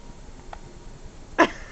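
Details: Hiccups in a person: one abrupt, sharp hiccup after a faint click, over steady background hiss.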